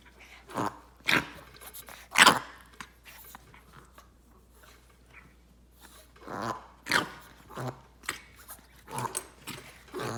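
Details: Coughing, recorded 11/20/17.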